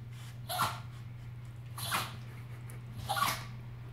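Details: Chihuahua sneezing several times in a row: short, sharp nasal bursts about a second apart over a steady room hum; repeated sneezing.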